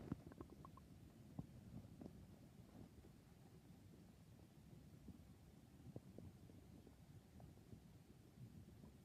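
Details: Nighttime stomach growls: low, soft rumbling with a few gurgling pops, mostly early on; borborygmi.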